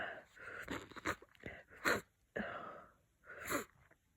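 Several wet, snorting sneezes with nasal blockage between them, typical of congested sneezing during a cold.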